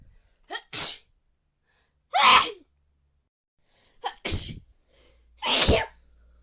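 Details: Person who is unwell: four explosive sneezes, most with a quick indrawn breath just before the burst, separated by quiet pauses; sneezing.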